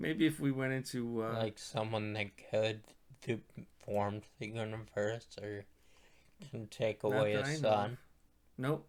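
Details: Male speaker who states his voice sounds this way because he is a stroke survivor; post-stroke speech impairment.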